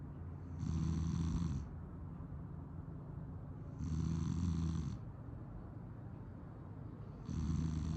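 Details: Low, rumbling snores with each breath, about 20 a minute, over steady low background noise; ordinary snoring in sleep.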